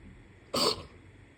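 A single short, harsh throat-clearing burst against quiet room noise.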